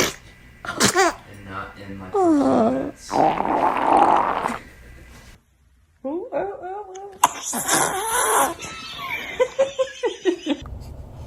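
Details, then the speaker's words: A short, burst-like sneeze from a baby among adult laughter and talk; ordinary infant sneeze. "Were you about to sneeze?"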